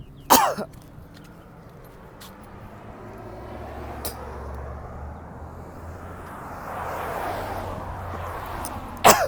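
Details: Two harsh cough bursts with a throaty, phlegmy quality, separated by quiet breathing and faint room noise, from a person coughing up phlegm; productive cough.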